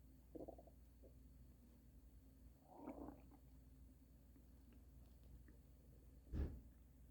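Several low gurgling rumbles over a steady background hum, loud stomach rumbling from gut gas and fluid movement.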